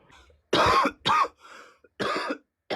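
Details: Three loud, harsh coughs with a softer one between them, acted for a comedy skit; a plain adult cough.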